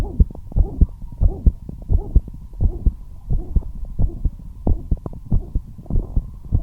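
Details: Heart murmur heard as a fast, somewhat uneven heartbeat with a low whooshing sound between beats over a faint steady hum; the patient was resting quietly but the heart rate still became fast.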